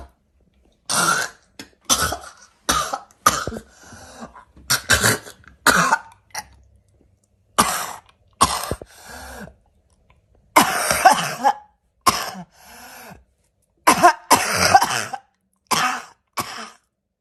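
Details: Repeated harsh, barking coughs from an adult in several short bouts; barking cough.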